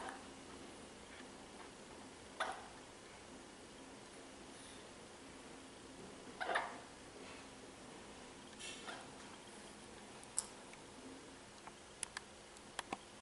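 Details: Child's recurring hiccups: faint, abrupt gulping bursts every few seconds in a quiet room, with a few small clicks later.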